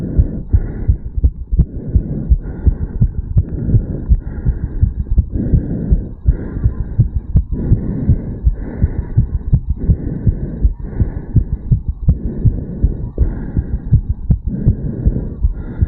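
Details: 34-year-old male, stethoscope over the mitral area after a quick morning jog: fast, strong, regular heartbeat with quick paired thumps, rapid heartbeat after exercise.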